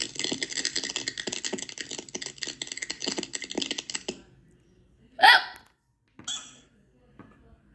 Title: Has Got Hiccups